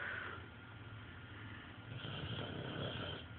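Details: Woman snoring: steady, low, rattling, fluttering snore sounds across each inhalation.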